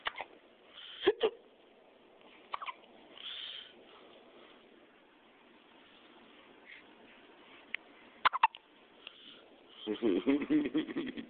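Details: Short, abrupt hiccups from a baby boy at irregular intervals, with adult voices and fussing in the background; infant hiccups.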